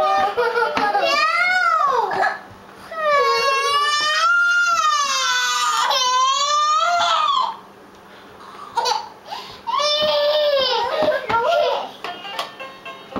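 Loud, sustained wailing cries with rising and falling pitch, broken by brief pauses and sobbing catches; a young child crying.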